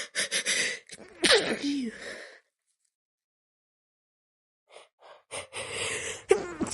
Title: Wet Stifles ➜ Desperate Sneezes (F)